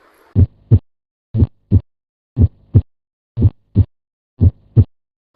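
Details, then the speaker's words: Auscultation demonstration by students: regular paired lub-dub heart sounds at about 59 beats a minute, S1 from atrioventricular valve closure and S2 from semilunar valve closure; normal heart sounds. "उसके अलावा second sound जो duck produce होता है सेमीनर valve जो होते हैं वो जब बंद होते हैं और डस्टोलिक शुरू होता है तो तब वो साउंड प्रोड्यूस होते हैं।"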